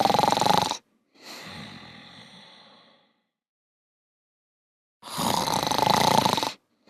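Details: Simulated snoring by shut-down robots in the animated show PJ Masks: long, rough, rattling snores with a fading breathy exhale between them; cartoon imitation.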